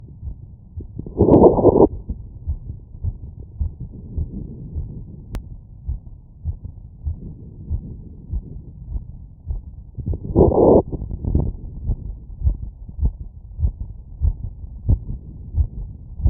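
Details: Fast, regular heartbeat heard through a stethoscope after exercise, about 105 beats a minute, with two brief rubbing noises.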